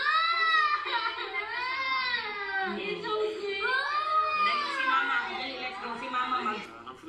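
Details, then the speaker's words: Continuous rising and falling infant crying replayed through speakers with mixed noise and re-recorded by microphone to simulate a noisy environment for testing real-time baby cry detection. "so to simulate a noisy environment for real-time crime detection we played the custom noisy samples through these speakers and recorded the sound using this microphone"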